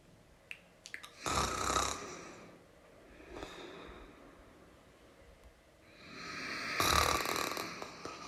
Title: Snoring sounds (1 Hour)